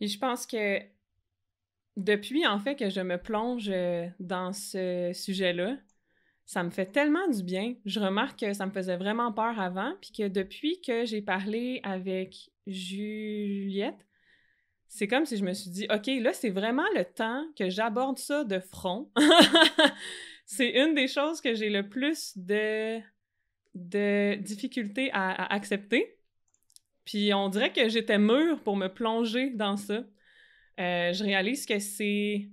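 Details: Adult French-speaking woman who stutters, with stuttering that varies by situation; stuttering.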